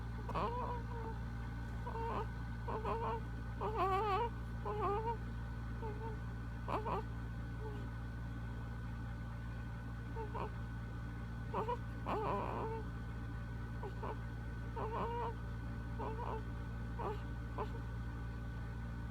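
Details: Soft grunts, squeaks and brief whimpers from a sleeping 7-week-old baby boy over steady room hum. His pediatrician said these are normal infant sleep noises.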